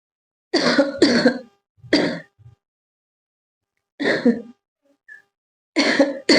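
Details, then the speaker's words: Deliberate voluntary coughing and throat clearing by a girl in a coughing challenge, throat slightly dry: about six bursts in short clusters with quiet gaps. "Very difficult challenge है क्योंकि खासी ना भी आए फिर भी खास है।"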